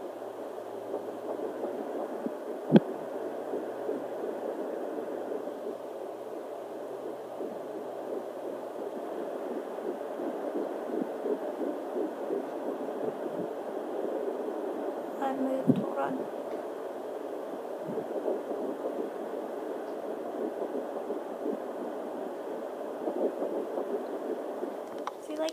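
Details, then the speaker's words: Fetal heartbeat found on a home handheld Doppler with the mother lying on a couch: fast, whooshing galloping pulse, manually counted at about 160–170 a minute; the machine's screen did not display the rate. "so we found the little heartbeat so that's very exciting"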